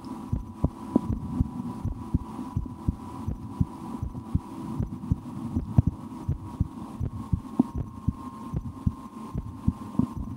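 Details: Own heartbeat through a stethoscope, at times breath-holding or raising the rate during a game, stomach digesting after lunch: steady, regular low thumps at about 75 a minute over a faint hum; normal heart sounds.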